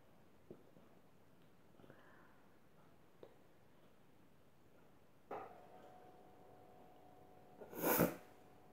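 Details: Sneeze induced by sniffing chhinkni snuff, which made the nose run and reached the back of the throat: quiet sniffs and small noises, then a brief catch of breath and a single loud sneeze.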